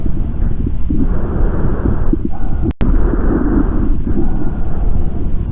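Two soft, low, rustling breath cycles through a stethoscope, longer in than out, with no wheeze or crackles: normal breath sounds.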